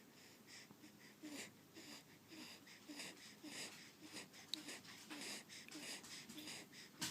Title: Trying to Catch Him Snoring